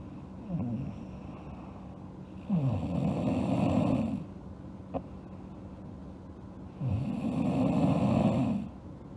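Rough, rattling snores on the in-breath, two long ones about four seconds apart, with quiet breathing between: ordinary snoring.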